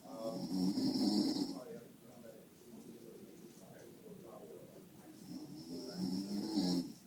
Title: Man snores and falls asleep at the Dentist